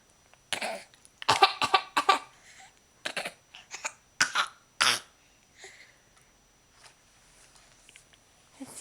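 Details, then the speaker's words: A small child gives a run of short, deliberate cough-like bursts, a pretend cough rather than illness. This is a voluntary fake cough. "are you gonna fake cough where' you learn that"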